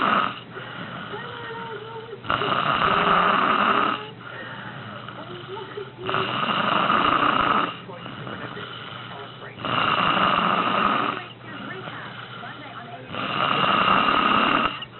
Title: Mom Snores the Night Away